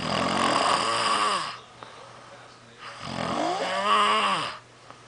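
Two long, loud, rough snoring breaths, each about one and a half seconds, with a quiet pause between; snoring.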